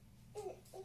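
Two brief fussy cry sounds from a young infant over low room hum; a hungry baby's cry.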